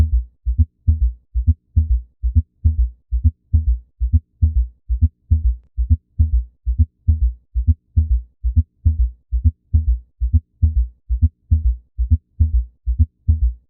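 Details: S3 and S4 gallop (quadruple/summation gallop): regular low-pitched heart sounds with extra filling sounds, about 67 beats a minute; the combination often suggests underlying pathology such as congestive heart failure.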